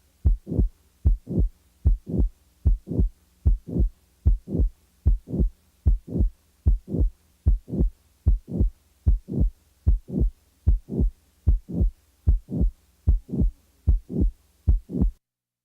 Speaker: the next example is that of a late systolic murmur in a patient with a mitral valve prolapse now the mid-systolic click is added now a late systolic murmur is added